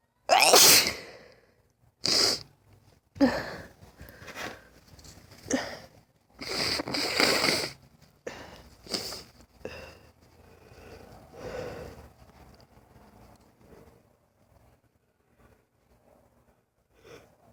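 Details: Person with lifelong sudden sneezing fits lasting 3-5 minutes, not allergic and without itching: about eight to ten sneezes in quick succession with sniffs and breaths between; paroxysmal sneezing.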